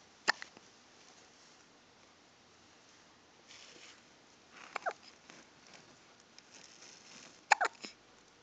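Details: Sharp, brief hiccup sounds at irregular intervals, about three or four in eight seconds, over a quiet background; hiccups.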